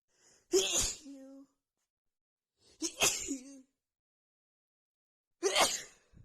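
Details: Three loud explosive sneezes in a row, each preceded by a sharp inhalation and trailing into a brief vocal tail, after feeling sneezy all day; a rapid sneezing fit.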